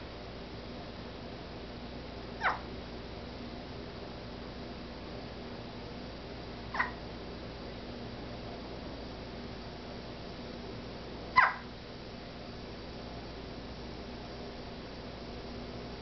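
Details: Three brief, sharp hiccups about four to five seconds apart over steady background hiss, from a pet cat: hiccups.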